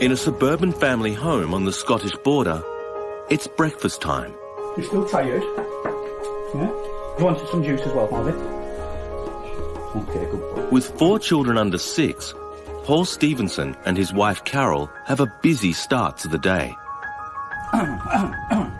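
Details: Adult male narrator; documentary narration.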